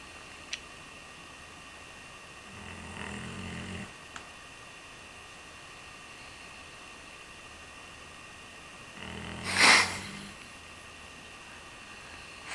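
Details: Redbone Coonhound dog snoring: two slow, rumbling snores about six seconds apart, the second louder and ending in a snort, over steady room hum.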